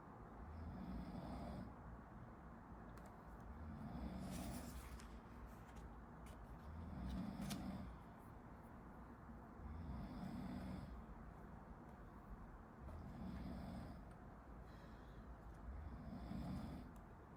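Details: Someone sleeping behind a medical student studying, recorded as a study-with-me: faint, regular low rattling snores about every three seconds, around 20 a minute, behind room noise; snoring.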